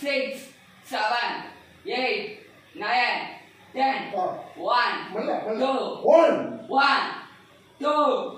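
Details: Patient counting aloud during a puberphonia voice therapy session, whether before or after therapy not stated; puberphonia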